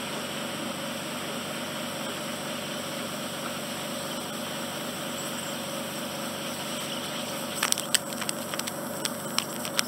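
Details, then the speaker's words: Endoscopic ear wax removal in a regular client's ear: switching to a finer, lower-power suction tip near the eardrum for comfort; steady hiss with sharp crackles and pops near the end as it picks up wax. "it's going to go in with a different instrument because we're approaching the ear drum this is a fine and it's less suction power so just make it a bit more work on my part however it's more comfortable in your ear actually"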